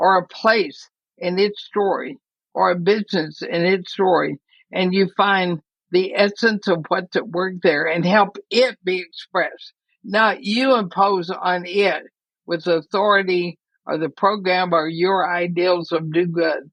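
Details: Dysarthria from ALS in a woman near 80, who says her speech is already noticeably impaired but still intelligible.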